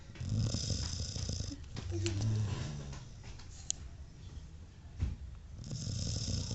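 Low, rumbling breath sounds from a sleeping dog, rising and fading with each breath: snoring.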